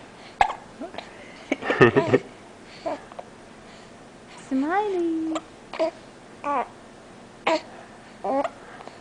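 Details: Baby girl with hiccups while an adult talks to her: short, sharp catches of breath recur every second or so between soft baby vocal sounds; hiccups.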